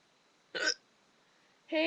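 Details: A person with burping hiccups makes two abrupt voiced hiccup-burp sounds about a second apart in a quiet room; hiccups with belching.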